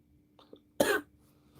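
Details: Adult woman with bronchitis, having big coughing fits: a single short, harsh cough after a couple of faint throat sounds, with a steady low hum in a quiet room; cough in bronchitis.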